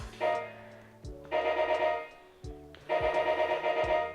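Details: Radiofrequency temperature-feedback beeps: repeated electronic beeping as a probe under the skin heats tissue during treatment.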